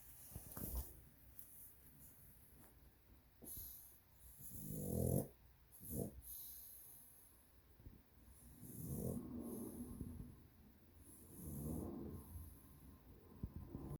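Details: Sleeping pug snoring very loudly: snorting, rattling snores roughly every three seconds with noisy airflow; heavy snoring.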